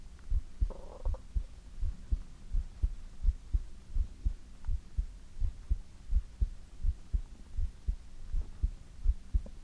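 Steady low thumping heartbeat at about 83 beats a minute, regular double sounds; a normal heart rhythm.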